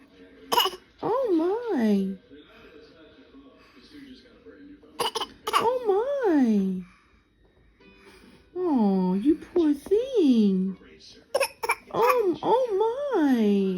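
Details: Nine-month-old infant making about five brief, dry cough-like bursts, imitating a cough, between an adult's sympathetic exclamations; voluntary (pretend) cough.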